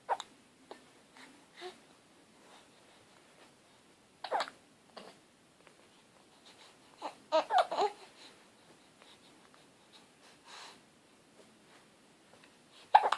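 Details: Baby boy with hiccups: short, sharp, catch-like bursts at uneven intervals, about eight in thirteen seconds, in a quiet room.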